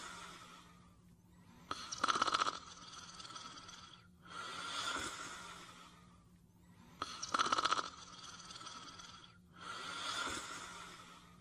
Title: Caesar's Cutest Snoring Part 2